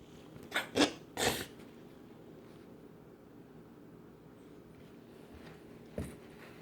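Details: A cat's cough in a quiet room: three short, harsh, rapid cough bursts, then one more after a pause.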